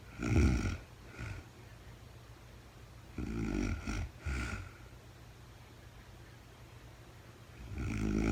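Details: Adult woman recorded in real time during overnight sleep after being very tired: three low, rattling snores separated by quiet breathing pauses; snoring.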